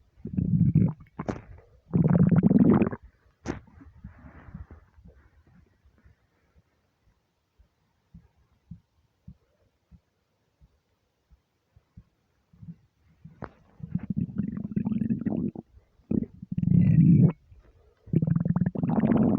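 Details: Deep, drawn-out gurgling empty-stomach rumbles with a quiet gap between bursts; ordinary bowel sounds (borborygmi).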